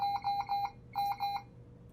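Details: Two bursts of rapid repeating electronic beeps from a Puritan Bennett 560 ventilator as the alarm volume is adjusted in its preferences menu; ventilator alarm tone.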